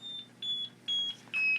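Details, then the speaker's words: Siemens 900 ventilator switched on during set-up: repeated high-pitched electronic safety alarm beeps about every half second over low machine hum; alarms relate to gas delivery safety. "those alarms relate to patient safety about delivering gas"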